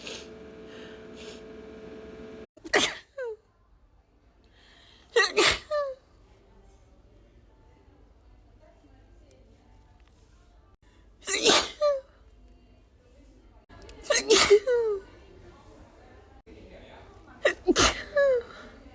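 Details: Woman's tickly allergy sneezes in an edited loop: five sharp sneezes, several with a short gasp before or a catch after, in a quiet room.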